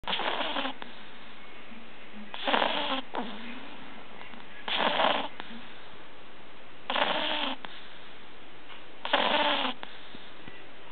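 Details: Sleeping pug puppy snoring loudly, described as like an old, overweight man: rattling snores recur about every two seconds, roughly 27 a minute; snoring.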